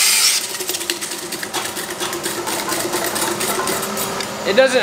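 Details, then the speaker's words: Buzzing, rattling grinding with a steady whine: a diamond-coated motorized dental float rasping down a horse's teeth during routine dental care; painless, though vibration may make it shake. "they do feel the vibration and there's not a lot to absorb that vibration so sometimes they shake and move because of the vibration but it doesn't hurt"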